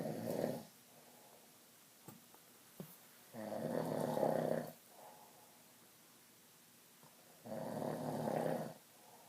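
Three low, rumbling snores come about four seconds apart, with quiet pauses between them. Steady, heavy snoring.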